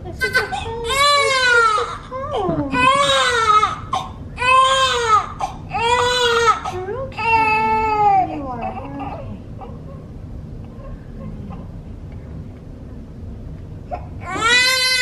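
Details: Repeated loud, rising-and-falling crying bursts with quiet gaps from a newborn baby girl, about six pounds, in her first 24 hours after birth; a healthy newborn's normal cry.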